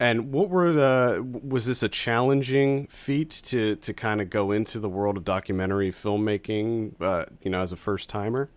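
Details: Adult male speaker; normal speech.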